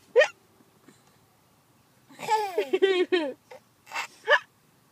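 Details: Adrian has the hiccups: sharp, sudden voiced gulps recurring between brief vocal sounds.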